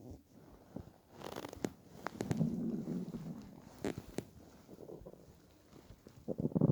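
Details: Person lying on bed after about 28–30 hours without food, during weight loss from 65–67 kg to 49 kg: low rumbling and gurgling with bubbly pops; loud hunger stomach growling.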